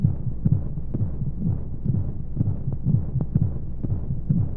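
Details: Womb-sound sleep aid for babies: muffled low thumping heartbeat, about 125 a minute, under a steady whooshing hum of flowing noise, like sound heard inside the womb, with white noise; heartbeat.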